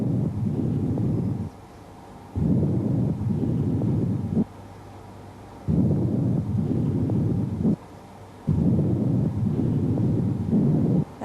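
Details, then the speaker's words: Rushing breath sounds in regular cycles with short pauses, heard with the stethoscope diaphragm over the lower vertebral (interscapular) area of the back in a normal person: normal bronchovesicular breath sounds. "ที่ส่วนล่างของveribleareaเราจะได้ยินbronchvesicularbreซเจ้า"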